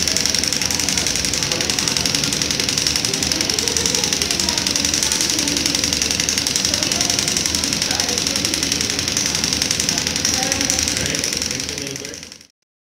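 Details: Shockwave therapy device in operation: rapid, regular percussive tapping at about 220 a minute, with speech faintly beneath.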